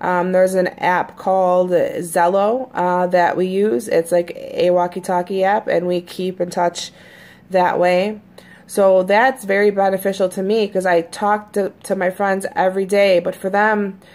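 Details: Stuttering in an adult woman, a person who stutters, who says her stutter has recently become more noticeable; usually fairly fluent on recordings; real speech.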